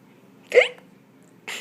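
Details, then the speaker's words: A single sudden, sharp voiced gulp in a quiet room from an adult with hiccups, with another starting as the clip ends. "I'm not gonna fake it because it doesn't work but I did just have the hiccups so maybe we passed it but there you go I have a little hiccup there so we'll have to wait and see if I have still full on hiccups"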